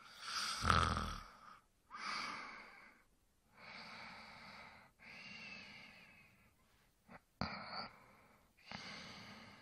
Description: 1 hour of a male snoring to help You sleep better at night.